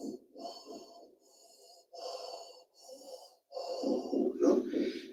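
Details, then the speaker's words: Teaching demonstration for lung auscultation: a cavernous breath sound over a lung cavity imitated by blowing through rounded 'O'-shaped lips, giving hollow, low 'oh'-toned breaths. "y para el cavitario pongo la boca en forma de o es decir la membrana aquí es aquí y mi boca bien redonda un"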